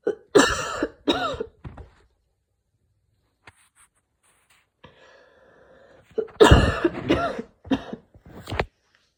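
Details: Coughing fit after an evening run in cold air during a mild asthma attack: repeated harsh coughs in two clusters with a faint whistling in-breath between them, following wheezing.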